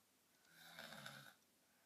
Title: Girl Snoring Deeply